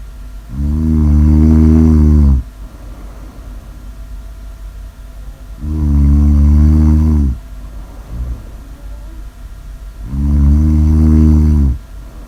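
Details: Three loud, deep, droning snores at about 13 breaths a minute, with quieter breathing between; snoring.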